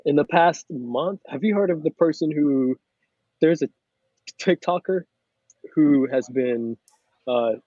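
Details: Mild persistent adult-onset stuttering in an adult man, about 98-99% fluent, with blocks on only a few words.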